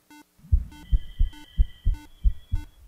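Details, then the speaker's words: Simulated normal heart sounds in a virtual child patient in an augmented-reality medical simulation: clear, regular lub-dub at about 95/min, heard with a real stethoscope at the aortic valve, with monitor beeps behind. "so now dr sri takes the same stethoscope that he uses to treat real patients every day to listen for heart sounds on his virtual patient first at the aortic valve"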